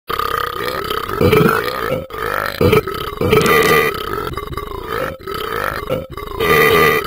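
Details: Simulated burping from the Ben app's cartoon character that won't stop: long, drawn-out recorded belching sounds repeated over several seconds, played back, not a real person.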